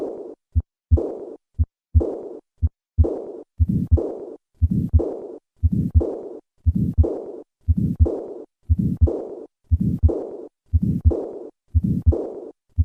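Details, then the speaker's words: Severe aortic regurgitation: regular heart sounds near 60 per minute, each followed by a fading diastolic decrescendo murmur. "Listen once again to the sound of severe aortic regurgitation."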